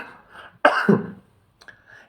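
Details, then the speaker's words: Single muffled cough into the sleeve, demonstrating cough and sneeze etiquette instead of coughing into the hands. "it's better to cough in the sleeves of your thi shirts or dress then cough or sneeze in your hands"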